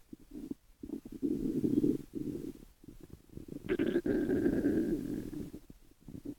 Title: 12 Minutes of stomach growls